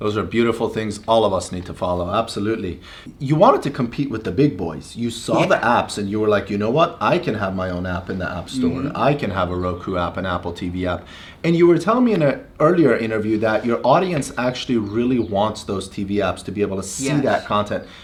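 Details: Adult male speaker; normal speech.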